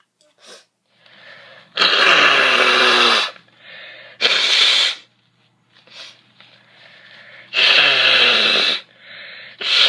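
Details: Girl sneezing: three loud sneezes, each preceded by a short in-breath, in a quiet room.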